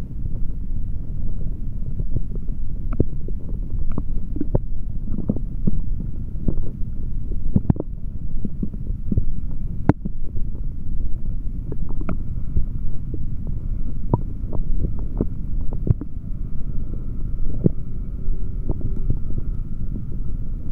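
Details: Adult male's bowel sounds heard through a stethoscope after drinking a chocolate protein shake: continuous low rumbling and growling with frequent brief gurgles and clicks.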